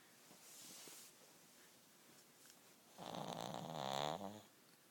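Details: 14-year-old Shih Tzu, dead asleep: after quieter breathing, a loud, rough, fluttering snore on an in-breath; ordinary dog snoring.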